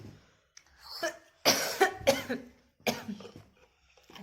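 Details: Woman with a bad cold caught from her husband, with pain: four harsh, forceful coughs in a short run with a little throat noise between them, a cold cough.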